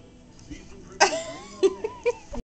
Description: Chihuahua puppy sneezing